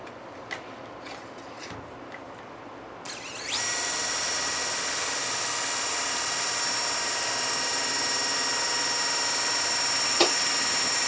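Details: A few clicks, then a steady high whining powered surgical drill with a 5.0 drill bit through a drill guide on the nail's spiral hole, boring anteriorly through bone for distal locking of an ankle arthrodesis intramedullary nail.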